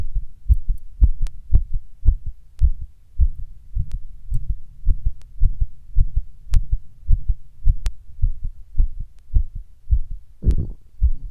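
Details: Sudden palpitations recorded while sitting at rest: forceful, fast heartbeat near 107 per minute with uneven spacing, heart intermittently fast, felt as irregular, pounding beats.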